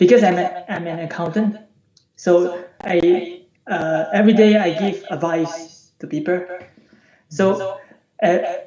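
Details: Adult male from the UK, recorded before online voice therapy; voice unchanged since age 14; puberphonia.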